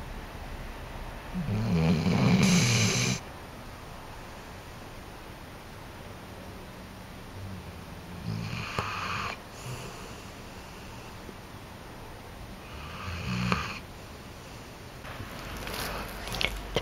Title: Uchrápaná / snoring